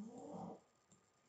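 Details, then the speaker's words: A dog snoring loudly below the speaker, a small background noise: snoring. "cachorro tá roncando para caramba aqui embaixo esse barulhinho"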